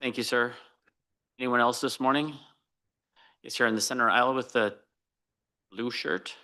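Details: Adult man speaking; normal voice.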